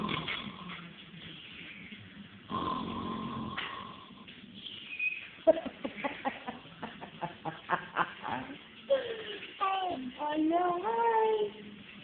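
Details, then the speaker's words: Low snoring breaths from a sleeper, then a young child's whiny vocal sounds as she reacts, disliking the snoring; snoring with a child nearby. "second, and you were like, yeah, you were snoring, huh?"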